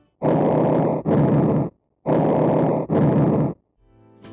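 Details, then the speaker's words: Teaching example of bronchial breath sounds, normally heard over trachea, upper sternum and upper thoracic paraspinal areas: two loud, harsh, hollow, high-pitched breath cycles with a brief gap between inspiration and expiration. "bronchial breath sounds are heard normally over the trachea the upper sternum and paraspinal areas of the upper thoracic vertebrae they are often loud and high pitched"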